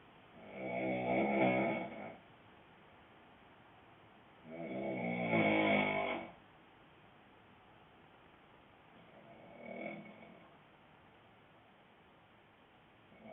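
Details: Adult male (boyfriend) snoring loudly with a rattle: loud, rough inspiratory snores at about 14 breaths per minute, with a quieter snore at the end.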